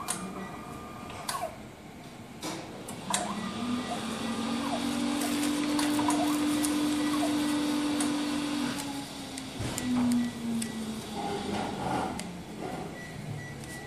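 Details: MSLAB07 automated blood analyzer running a startup and background check before sample testing: mechanical whirring, sustained motor hum and intermittent clicks with room noise; automated blood analyzer operating.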